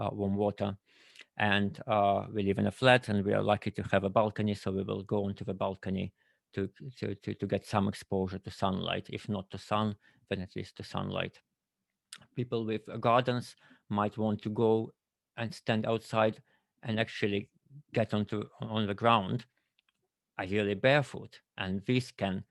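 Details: Adult man who had tongue cancer five years earlier, leaving his tongue altered; altered articulation after tongue cancer (glossectomy-type speech).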